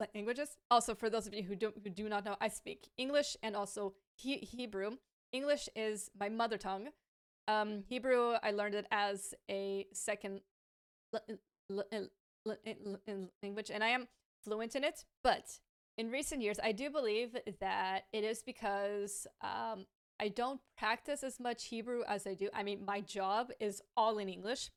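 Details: Adult woman with a lifelong stammer, a native English speaker who is fluent in Hebrew and now stammers more in Hebrew; she says it worsens with pressure, anxiety and being rushed; stuttering.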